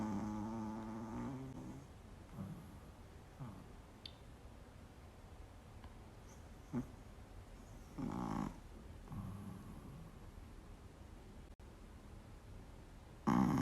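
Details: Small black Pekingese dog sleeping peacefully, with loud, rough, rumbling snores on each breath a few seconds apart, over quiet room noise.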